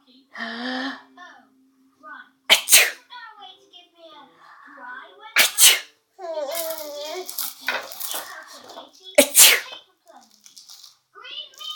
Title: Baby laughing and shouting mum sneezing